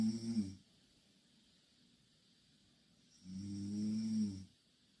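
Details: Two Korean girls snoring in the same bed: two low, buzzing snores on the breath about three seconds apart, with quiet between.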